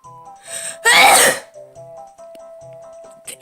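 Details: Allergy-prone person sneezing repeatedly: a quick breath in, then one loud, explosive sneeze over background music.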